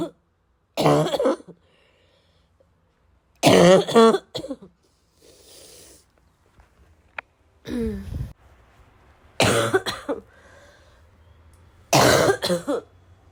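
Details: Adult female with a wheezing chest gives five harsh, forceful coughs that build in intensity and turn into a loud, barking cough toward the end.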